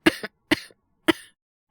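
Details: Acted cough in a Japanese voice drama: male character, unwell with asthma/cold, gives three short dry cough bursts, the first two with a small catch, before receiving an IV drip; all simulated.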